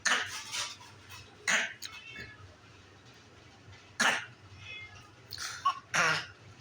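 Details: A female with a sore throat gives another cough, said to be for attention; cough.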